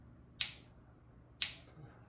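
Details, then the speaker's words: Bench wet demonstration of a Shockwave C2 intravascular lithotripsy balloon, pulses delivered in bursts of up to 10: sharp snapping clicks about once a second; intravascular lithotripsy shockwave pulses. "When we're using shock waves, um shock wave energy pulses inside of the balloon here through the emitters."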